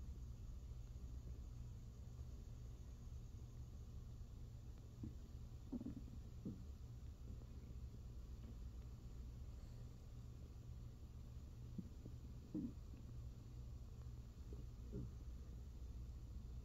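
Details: Brief gurgles and rumbles from an adult's hungry stomach over a low steady hum, recorded as ASMR: ordinary hunger-related stomach growling (borborygmi).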